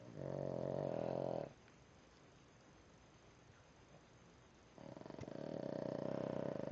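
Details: Two long, loud, buzzing snores with a quiet pause between them from a sleeping Boston Terrier: ordinary snoring.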